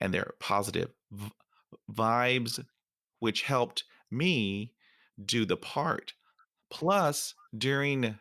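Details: Stuttering in a 47-year-old adult male, present since fifth grade, with repetitions and fillers, real speech.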